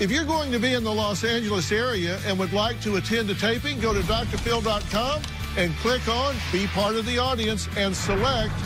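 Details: Adult speaker; typical speech.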